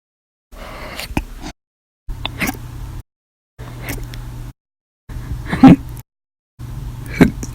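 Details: Hiccups on 8/9/19 lasting 13 hours 20 minutes, after eating breakfast and lunch and drinking a cup of soda after dinner; audio only: five separate sharp, abrupt catches in the breath spaced a second or two apart.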